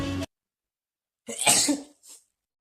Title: sneezing😂 funny video #shorts #army